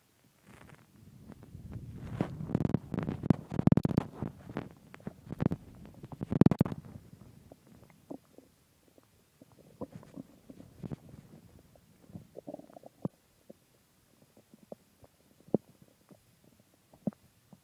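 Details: Bowel sounds after eating a large pizza and two ice creams: loud gurgling and rumbling from the belly, then scattered short clicks and pops.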